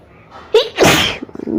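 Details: Single loud, explosive sneeze after a quick intake, then brief breathing noises, during a Tamil "100 times sneezing challenge" in which sneezes are provoked with paper.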